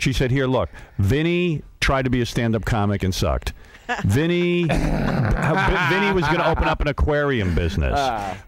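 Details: Adult male speaker; normal speech.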